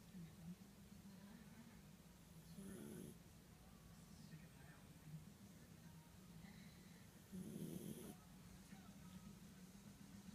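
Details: A sleeping dog breathes slowly and steadily, with two louder rattling snores about five seconds apart over a low constant hum; snoring.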